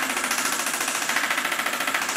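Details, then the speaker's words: Extracorporeal shockwave therapy on the Achilles tendon for Achilles tendinopathy, after gel on the skin, leg supported: rapid regular rattling pulses at high frequency, low pressure for numbing, the sound fading as the device is lifted and lowered. "so we'll pop it on and you can hear it quite fast to start with i'm lifting and lowering the machine and you can hear the sound fading as i do so"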